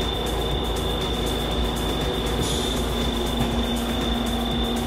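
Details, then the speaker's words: Veterinary dental CT scan of a dog being monitored during a dental cleaning: steady loud mechanical rumble and constant high whine as the CT scanner runs through about 400 images; CT scanner operating. "whoa is he driving the CT machine Riley's in there here we go it's only going to be the 400 images and then it's going to stop"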